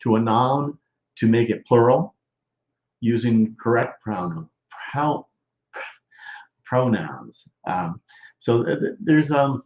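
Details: Male stroke survivor more than 13 years post-stroke with Broca's expressive, non-fluent aphasia, involving word-finding difficulty, trouble with function words and word substitutions, speaking English; expressive (Broca's) aphasia.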